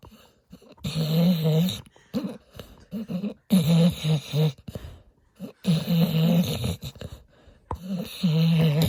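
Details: Sleeping dog: loud, rattling snores on each breath with brief nasal whistles, about 25 breaths a minute; ordinary dog snoring.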